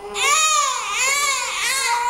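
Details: Sustained high-pitched wailing cry rising and falling in pitch from one of 2-month-old twin babies: ordinary infant crying.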